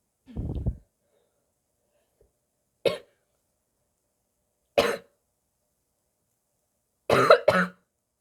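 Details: A sick person's barking cough: a low, rough burst, then several short, harsh coughs, the last as a quick pair, with silence between; gagging and spitting.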